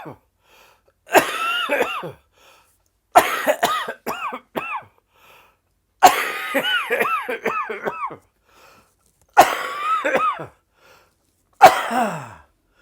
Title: Covid coughing 1